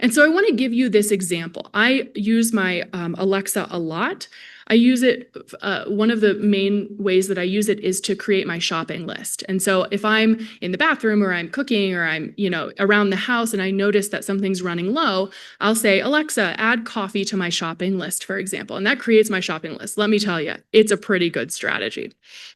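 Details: Adult woman presenter; typical speech.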